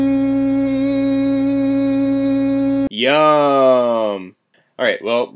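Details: Bearded adult voicing varied pitches during fiber-optic laryngoscopy at an ENT visit; no vocal nodules, extra mucus suggesting dehydration, vocal fatigue, vocal rest advised; phonation tasks during laryngoscopy.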